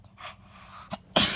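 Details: Person sneezing in bed: a brief breathy intake followed by a single sharp, explosive sneeze.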